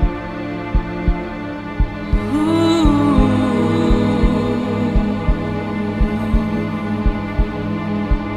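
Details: Produced heartbeat sound effect in an epic music mix: slow, regular low thumps, about 57 a minute, under soft sad music.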